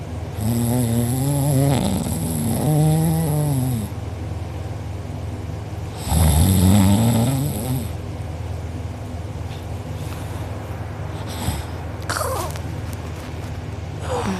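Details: A person recorded asleep with mouth open and drooling, who later had a sore uvula and soft palate: very loud, rattling snores on each in-breath, two long snores in 14 seconds, with noisy breathing between. Heavy snoring.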